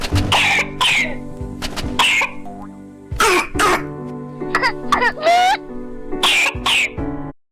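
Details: Child, described as a brother, gives several short, harsh coughs with throat clearing and some crying, heard over steady background music.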